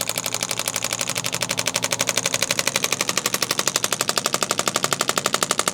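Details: Radial shockwave therapy, first session, applied with ultrasound gel to the left shoulder of a student with chronic daily wear-and-tear shoulder pain from a heavy backpack, at a tolerable 4–5/10 discomfort: rapid, regular percussive pounding at about four pulses a second.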